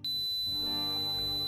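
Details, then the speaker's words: Simulated tinnitus: a steady, piercing high-pitched ringing tone over faint music. "este ruido se le llama tinnitus y mira puede tener demasiadas causas pero hay una que es más importante"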